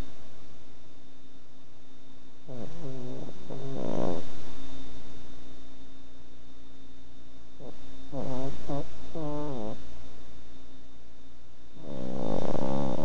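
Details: Pug snoring: three bursts of rattly, nasal snorting breaths over a steady background hum, about 14 breaths a minute; snoring in a flat-faced dog.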